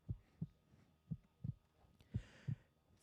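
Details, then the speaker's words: Heartbeat said to be what a stethoscope on a pregnant mother's abdomen picks up: soft, low paired thumps repeating steadily at about 58 a minute. It is presented as a fetal heartbeat. "this is the sound you hear when you put stethoscope up to that mother's stomach that you're going to"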